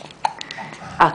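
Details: Infant with hiccups: two brief, sharp catch-like sounds in a quiet room.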